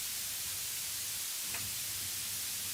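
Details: Tinnitus masking noise from a tinnitus-masking application after tuning of its frequency and Q in both ears.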